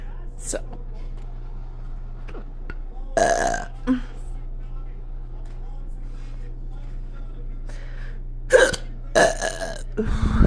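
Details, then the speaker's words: Hiccups heard right now, short abrupt throat sounds at intervals, some burp-like, amid quiet room noise; speaker says this never happens. "I literally have the hiccups right now. This never happens."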